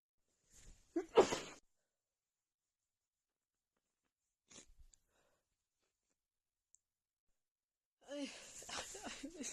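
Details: Female loud sneezes into a hanky, described as very tickly and strong: a quick inhaled catch and sharp sneeze burst, a faint huff, then another sneezy burst.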